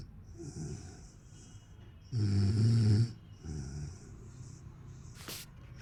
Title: snoring hahaha(1)